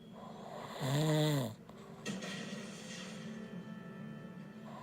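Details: Husband snoring very loudly, keeping his bed partner awake: one loud, rough, droning snore on a breath in, then quieter breathing, with TV dialogue and music in background; snoring.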